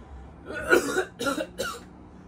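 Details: Acted cough on cue for a commercial shoot: three short coughs, one longer then two quick bursts, following staged sneezes.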